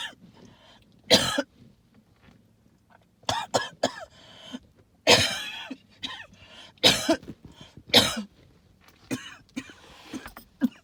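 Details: Allergic reaction to tree pollen and mold spores; repeated harsh hacking coughs and throat clearing with noisy, wheezy breaths between; hacking cough with wheeze.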